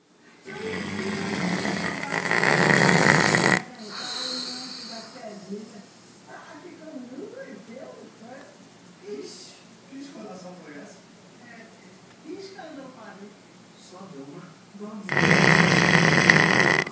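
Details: A person described as having sleep disturbances snoring heavily: two loud, harsh snoring bursts bracket a quieter stretch with murmured voices in the background.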